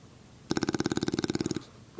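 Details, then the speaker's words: Snoring from a pet bulldog, a female, who is snoring with her eyes open. "how can you be snoring with your eyes open hmm"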